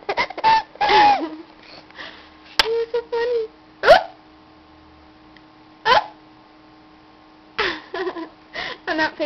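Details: A mother's hiccups: sharp, abrupt voiced catches recur every couple of seconds while her young child, sitting in a bouncy seat, laughs and chatters and later starts crying.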